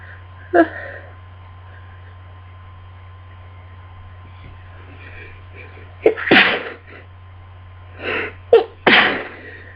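Several sneezes in quick succession, some with a sharp breath in before, against a steady low hum; a sneezing fit during a cold.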